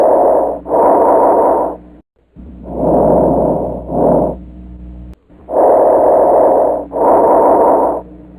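Loud, harsh, hollow breath sounds with inspiration and expiration of similar length, separated by a brief pause: bronchial breathing.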